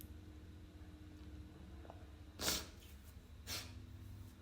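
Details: Sneezes stifled while trying to stay quiet: two brief, hushed, muffled nasal bursts of air over steady room hum.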